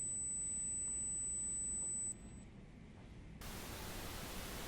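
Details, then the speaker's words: Simulated tinnitus played by an audiology professor: a steady, piercing high-pitched tone imitating a common tinnitus sound, then giving way to a hiss. "La professeure titulaire en audiologie à l'Université de Montréal, Sylvie Hébert, nous en a fait écouter plusieurs. Donc ça, c'est un acouphène fréquent, là."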